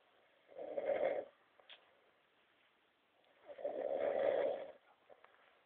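Two long, rough, rumbling breaths about three seconds apart with quiet gaps between them, typical snoring.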